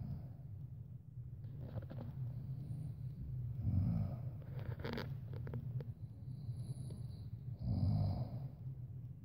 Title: Snore or heavy breathing